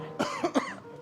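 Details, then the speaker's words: Three quick, harsh cough bursts in under a second over room noise; coughing after eating very spicy food. "Anda jangan pura-pura batuk katain saya. Emang beneran pedas."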